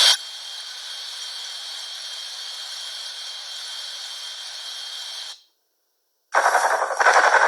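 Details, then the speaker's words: Simulated tinnitus audio played in a lecture, illustrating continuous ringing or noise perception in one or both ears: a steady high-pitched hiss with a thin ringing tone, then a pause and a rougher buzzing noise. "it's this continuous ringing or noise perception that happens in the ear sometimes when it's mild they can go unnoticed during the day"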